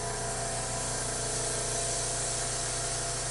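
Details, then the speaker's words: Portable suction machine switched on for a tracheostomy suctioning competency demonstration. The catheter end is occluded to read maximum pressure, set at 20, too high; it should be 5–10. Steady loud motor hum and hiss. "I'm going to turn the machine on and when I occlude the end of this I need to hold it there for a few seconds because as you can see by holding it there for a few seconds my suction is currently set at 20 which I know is way too high"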